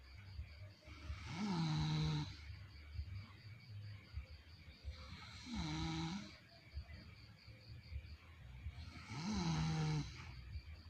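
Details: The uploader's mother snoring: three rattling, droning snores roughly every four seconds, about 16 breaths a minute, over steady background noise.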